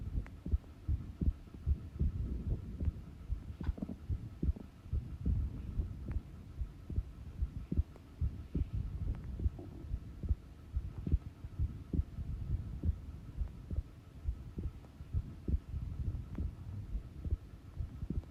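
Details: Steady low lub-dub heartbeats at about 73 a minute with a faint hum behind, self-recorded at rest; normal resting heartbeat; normal heart sounds.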